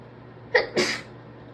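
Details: Single muffled, stifled sneeze after a short intake, deliberately induced by a congested, sniffly person who believes they have a stress cold.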